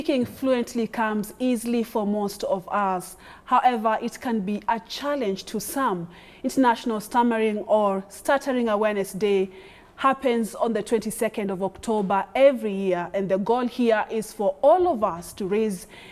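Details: Adult woman speaking; fluent speech.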